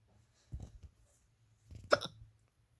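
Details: Two brief, abrupt hiccups about 1.4 seconds apart, the second a sharp sudden catch, in a quiet room with low hum; hiccups.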